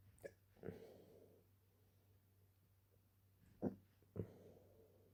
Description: I had just drunk a glass of water and went to sleep when I started hiccupping out of nowhere.